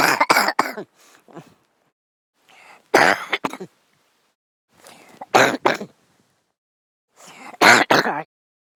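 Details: Four separate bouts of two or three harsh coughs each, with soft throat noises between, in a quiet room; a man repeatedly coughing during sleep.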